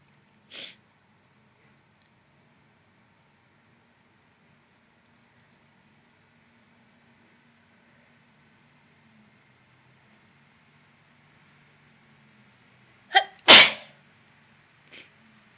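Three sharp bursts in a quiet room: one early, then two close together near the end with a small trailing sound, typical of sneezes.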